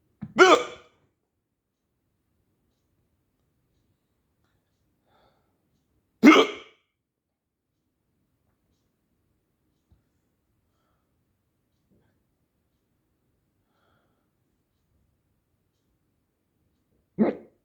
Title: bad hiccups